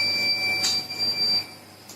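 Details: Continuous high-pitched electronic alarm tone from a 10 L/min high-purity oxygen concentrator, its alarm system warning of a problem with the power source; device power failure alarm.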